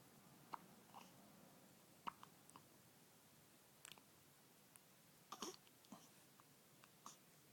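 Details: Infant with hiccups: quiet, abrupt little clicks and squeaks recurring irregularly against room noise.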